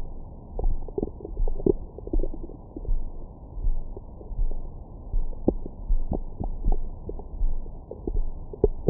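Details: Stomach growling recorded over the belly with a Stemoscope stethoscope microphone after a large meal: scattered soft gurgles and clicks over a steady low pulsing thump; normal bowel sounds.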